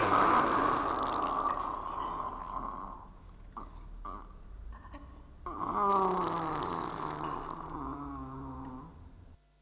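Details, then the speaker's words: Actor-simulated agonal breathing for lay-rescuer training: slow, irregular snoring gasps that can look like breathing but are not normal, a sign of cardiac arrest requiring alert and basic life support. "so we teach people that there are snoring sounds people can look like they're breathing but it's not normal so that's not a normal situation it is actually in fact cardiac arrest"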